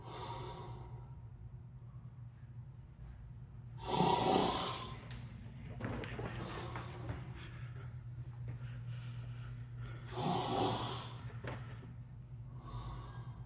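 Two loud, rasping breaths about six seconds apart over a steady low hum, consistent with snoring.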